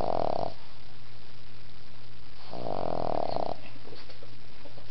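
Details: Snoring from someone sleeping between their grandpa's legs: two loud, rattling, low snores about three seconds apart with a steady low hum between.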